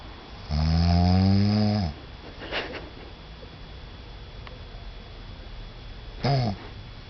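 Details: Adult man asleep with jet lag after a long trip: one long, loud, low rumbling snore, a quiet stretch, then a shorter snore; snoring.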